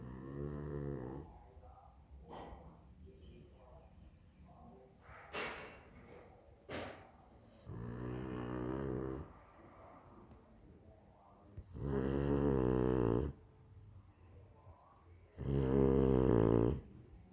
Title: Pugalier Snores.. LOUD